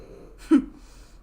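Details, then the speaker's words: A sleeping French Bulldog snores loudly; one brief, rough snorting breath is heard against a quiet room background. "what is that do you have a dog snoring what's that noise oh my god do you hear that yeah i was just curious pig pig yeah he's [ __ ] loud he's a frenchie"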